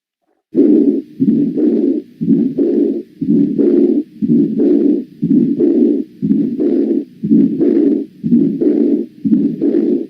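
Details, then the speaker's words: Aortic focus, heart rate near 60: systolic flow murmur from large regurgitant volume ejected by the left ventricle, plus diastolic regurgitant murmur, in severe aortic regurgitation. "Cuando el volumen regurgitado es muy importante, el ventrículo izquierdo tiene que expulsar una mayor cantidad de sangre y se produce entonces en las sístoles un soplo."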